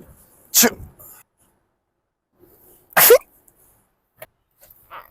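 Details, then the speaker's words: Acted comedy sneezing: two loud, explosive sneezes a few seconds apart, with faint sounds between them. "Oh my god, that was such a big one. Oh my god. Excuse me."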